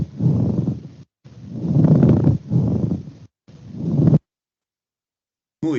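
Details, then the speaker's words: Rough, grating sounds like crumpling paper in both inspiration and expiration, unchanged by coughing; pleural friction rub from inflamed pleural surfaces rubbing, from a teaching video. "Es áspero, es como si arrugaran un papel en las orejas, eso es más fácil. Arrugas un papel, es así, es de áspero."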